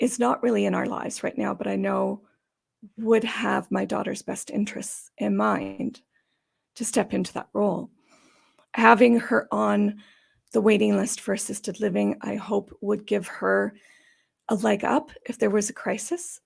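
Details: Adult woman with idiopathic subglottic stenosis for about 12–14 years, treated with repeated tracheal dilatations and surgeries on her trachea; she says these may leave her sounding gravelly or gasping for breath. Dysphonia (subglottic stenosis).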